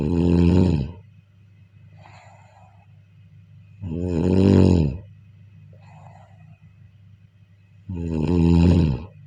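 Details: Deep, buzzing snores during sleep about every four seconds, roughly 15 a minute, with faint breath sounds and steady room hum between; snoring.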